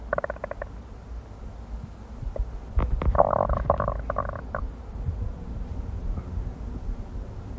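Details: Amplified recording of a person's stomach rumbling: bowel sounds (borborygmi).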